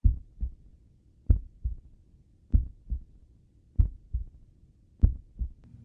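Slow, regular lub-dub heart sounds at about 48 beats a minute; bradycardia, a heart rate below normal.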